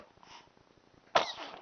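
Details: A single short, sharp sneeze after a second of quiet, with faint rustling.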